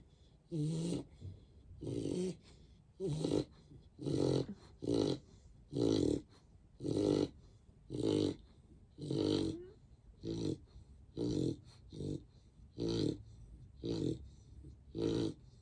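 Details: A sleeping 1-year-old female mixed-breed dog weighing 45 pounds, with steady, loud, rattly, snorting snores on each breath, about 58 a minute.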